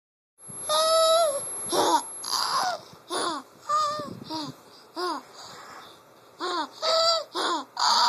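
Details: Wheezing in a laughing infant: squeaky, high-pitched laughter bursts with whistling, wheezy breaths.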